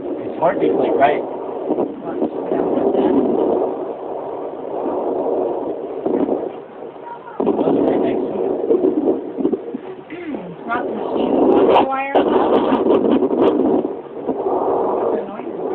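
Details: Muffled whooshing and thumping through a home fetal Doppler, with bursts loosely resembling voice-like sounds that the family wonders are the baby talking; fetal Doppler sounds.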